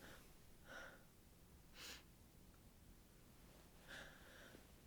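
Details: Three tired, muffled sneezes dampened into a duvet while lying in bed, over quiet room noise; nose sensitive after a cold, windy outdoor market; fear of catching a cold.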